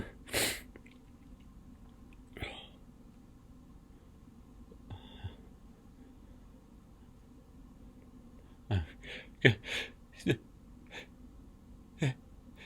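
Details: Deliberately induced sneezes: a few sneezes early on, then a quick run of several sneezes with breathy intakes between, in a quiet room.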